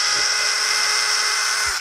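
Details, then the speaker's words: Loud steady high-pitched whir of a surgical power drill backing out fixation pins, winding down at the end, during rotating-hinge knee revision surgery demonstrated at an anatomic institute. "All right, I do a removal of all the pins."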